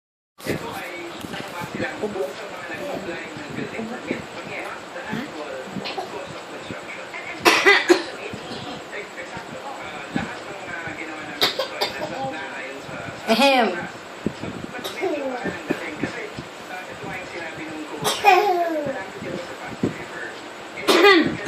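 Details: Voluntary fake coughing by a 1-year-2-month-old toddler: about five short, deliberate coughs amid steady background voices and household noise.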